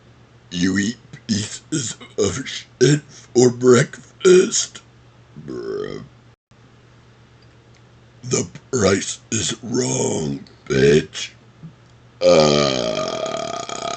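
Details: Deliberate talking while burping: rapid strings of short guttural belches shaped into word-like bursts reciting Happy Gilmore movie quotes, ending in one long burp.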